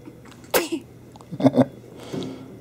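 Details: Sneeze in a 10-day-old newborn baby girl; a small sharp sneeze, then soft squeaky baby sounds and quiet breathing.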